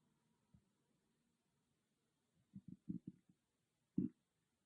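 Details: Stomach growling recorded with an iPhone, no dedicated microphone, in a quiet room: a short cluster of low gurgling pops and one louder rumble; ordinary bowel sounds (borborygmi).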